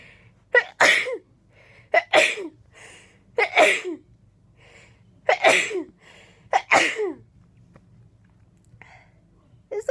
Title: Rapid Sneezing Fit